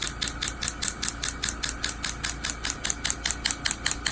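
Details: Low-intensity extracorporeal shockwave therapy on a young man's Achilles tendonitis, follow-up after a PRP injection, applied from outside toward the point of maximal tenderness; rapid regular sharp clicks, about 150 a minute, over a low hum.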